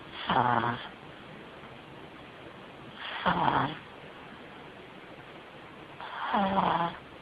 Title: Stewie the pug puppy snoring